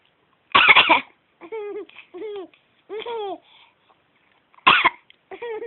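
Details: Two short bursts of coughing, each followed by a child's voiced, laugh-like sounds, in a quiet room.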